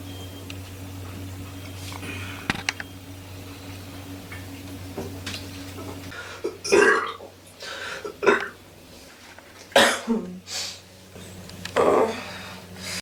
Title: Wattery burps